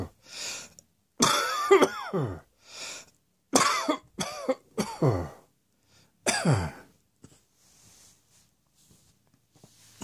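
Series of about seven loud, harsh voiced coughs in separate bursts, then quiet breathing; repeated coughing.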